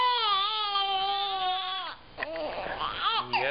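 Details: Sustained high-pitched wail breaking into shorter sobbing cries from a baby girl in a fussy, colicky spell, before being given gripe water by bottle; colicky infant crying.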